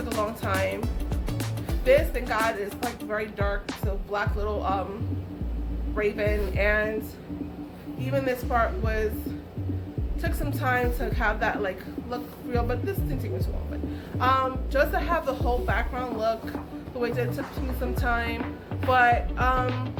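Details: Adult woman with aphasia caused by a stroke, which left her unable to talk, write, read or paint; she is still recovering.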